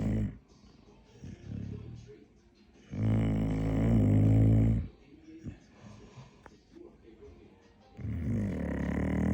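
Long, loud, droning snores several seconds apart with quiet breathing between, over faint background music.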